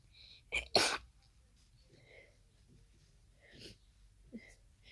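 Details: Sneezing fit of unknown cause after an hour of nasal irritation, allergy medication already taken: a quick catch of breath, then one forceful sneeze, followed by soft sniffing and breathy sounds in a quiet room.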